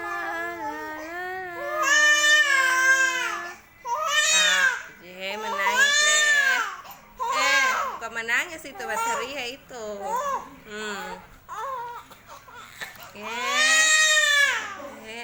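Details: Loud, tonal infant crying in repeated wailing bursts with gasping breaths between, from a baby who has just woken up; an ordinary baby cry.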